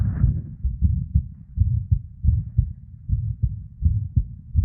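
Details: Irregular heartbeat of a female: muffled low thumps at uneven spacing with PVCs/ectopics and a soft whooshing murmur (blood-flow) sound between beats.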